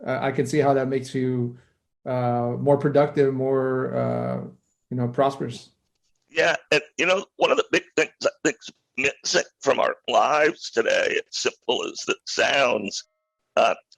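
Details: Adult male who acquired a rare neurological voice disorder in 2012 that made speaking difficult, still audibly present years later; neurological voice disorder, likely spasmodic dysphonia.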